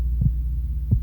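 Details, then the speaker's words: Two deep, soft thuds about 0.7 seconds apart (near 85 a minute) over a low hum, presented as the mother's heartbeat heard in the womb; a regular normal heartbeat. "when you were in your mother's tummy what you heard all day long was her heartbeat and not only did you hear it you felt it around your body"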